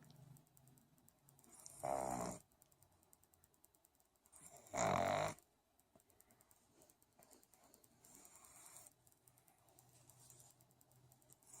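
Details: Pug sound asleep, snoring: two loud, rattling snores on the in-breath with quieter breathing between.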